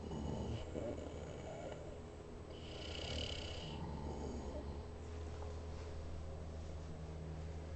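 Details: Sleeper in a park yurt giving a low, rough, rumbling snore against steady background noise; ordinary snoring.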